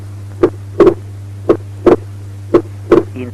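Paired heart sounds with a widely split second sound, consistent with right bundle branch block.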